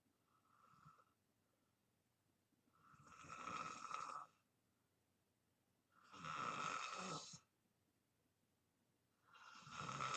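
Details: Person snoring in deep sleep: loud, rattling snores with each breath, about 20 a minute, separated by quiet pauses.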